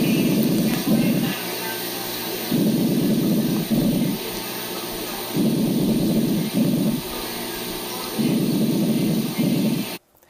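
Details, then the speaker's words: Teaching example of normal vesicular (alveolar) breath sounds: soft, low-pitched rustling breaths repeating about every three seconds. "vamos a escuchar los en un sonido normal un sonido alveolar normal está recordemos que es cuando el flujo el flujo turbulento recupera recupera el aire más bien que está pasando a través de estos estos conductos vuelve a ser laminar"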